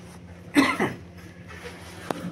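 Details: Chronic cough with yellow sputum and cough and cold each winter for nine years in a 10-year-old child with beta thalassemia minor inherited from the mother.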